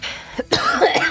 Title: Random Girls Coughing 1